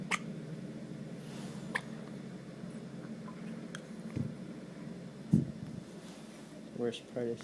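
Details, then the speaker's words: Hiccups in a person who is also passing gas: soft, abrupt, isolated catches of breath a few seconds apart against quiet room noise. "You got the hiccups?"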